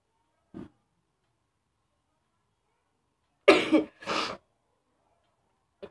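A short throat sound, then a sharp two-part explosive burst typical of a sneeze.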